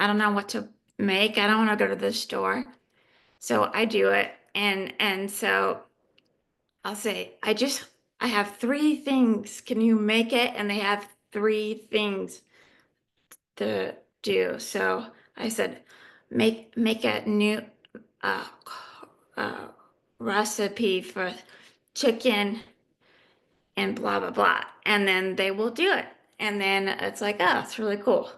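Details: Adult female living with aphasia who is in recovery; aphasia.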